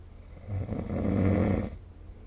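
A single deep, low, rumbling snore lasting just over a second during sleep.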